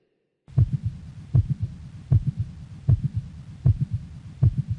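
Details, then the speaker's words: Mitral valve prolapse recorded at the apex: regular heartbeat near 78 a minute with a short, sharp, high-pitched, relatively loud extra click exactly in mid systole; finding: mid-systolic click. "in this case the click actually happens to be exactly in mid systole therefore the diagnosis is mitral valve prolapse a very important and very common encountered event"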